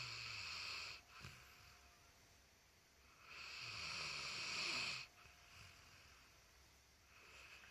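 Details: Light snoring: hissing, airy breath sounds recur about every four seconds, with faint rattling on inhalation.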